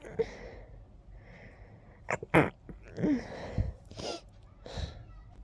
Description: I was very stuffy in this one. Many strong sneezes..